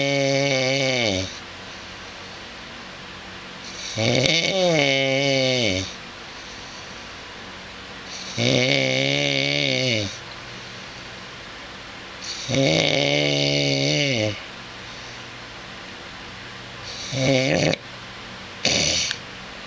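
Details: Adult husband snoring while asleep at 2:24 a.m., recorded by his wife who says it is loud while he denies it: loud, rasping, buzzing snores roughly every four seconds, about six in twenty seconds, over room hiss; snoring.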